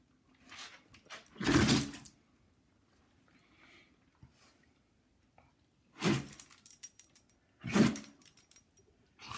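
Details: Three sharp, explosive nasal bursts from a dog, with collar tags jingling between them; repeated sneezing described as idiopathic.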